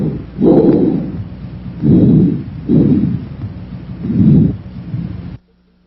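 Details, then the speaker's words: Auscultation of a healthy patient's chest through a stethoscope. Bronchial, bronchovesicular and vesicular breath sounds are played in that order for comparison, ending with soft low rustling normal vesicular breathing. "let's listen to these sounds again to compare them bronchial bronchovesicular and vesicular sounds in that order"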